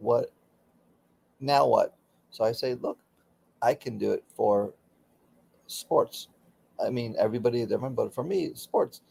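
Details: Aphasia in a man about 16 years after a stroke during surgery that affected his right arm and leg; he continues daily speech therapy.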